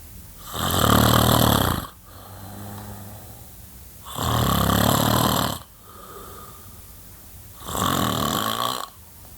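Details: Sleeping adult man snoring, January 2008: loud, rough snores about every 3.5 seconds, roughly 17 a minute, with quieter breaths between; the recorder wonders whether he nearly stops breathing at one point.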